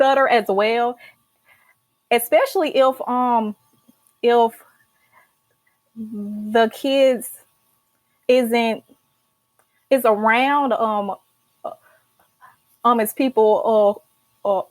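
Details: Adult female college senior who stutters and started speech therapy in college; stuttering.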